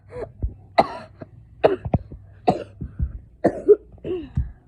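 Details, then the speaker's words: Series of short, harsh coughs with throat clearing in a quiet room, from a sick boy described as having a very bad cough that kept him home from school. "Yeah, he's sick. He's sick, by the way. He has a very bad cough. That's why he didn't go to school."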